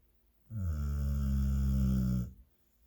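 A single long, deep, droning snore of almost two seconds, loud and steady throughout.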